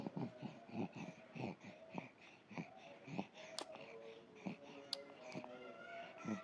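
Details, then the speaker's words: Infant with bronchopneumonia: fast, rattling, snore-like breaths with some whistling tones, heard even when awake, described as "grok-grok" snoring-like sounds; noisy laboured infant breathing. "Seperti biasa dia itu sangat sulit bernafas dan terdengar suara kayak lagi ngorok. Orang sering bilang bunyi grok-grok."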